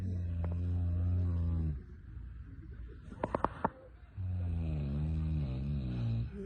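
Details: Grandmother snoring while grandson checks on her: two long, droning, buzzing snores with a quiet gap and small clicks between; loud, tonal snoring.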